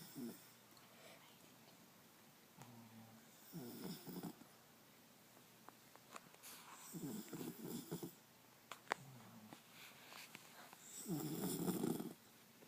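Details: Sleeping dog with quiet, fluttering snores, brief snorts and soft breaths between: ordinary dog snoring.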